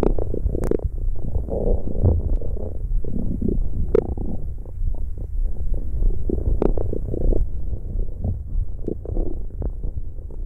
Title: ASMR This is the sound you were looking Stomach growling 💤